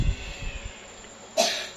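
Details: Single short, sharp adult cough after a few low handling thumps in a quiet birth clinic room; cough.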